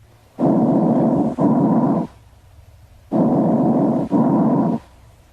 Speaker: sity inspiratory and expiratory sounds are about equal in duration and a silent Gap may or may not separate them these sounds may be heard in the first and second interspaces anteriorly and between the scapula posteriorly